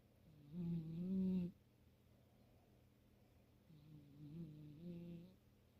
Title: Snoring Cat